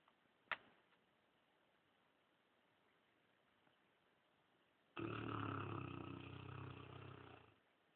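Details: Dogue de Bordeaux dog lying on a leather living-room armchair, snoring and twitching: a near-silent stretch, then one rough, rattling snore of about two and a half seconds.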